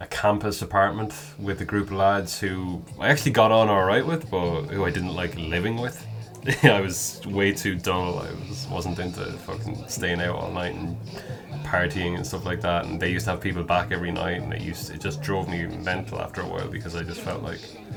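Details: Adult man who has stammered since about age 4 or 5; describes himself as mostly a covert stammerer with repetitions, prolongations and blocks; stammering (stuttering).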